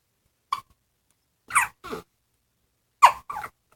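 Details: Short, sharp hiccup sounds in quick pairs ("double hiccups") separated by silence, about five hiccups in under four seconds; hiccups.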